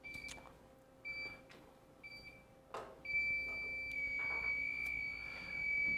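Short high-pitched beeps become a continuous shrill tone, then a loud sweeping burst, over faint room noise: an LVAD controller's high-priority red alarm.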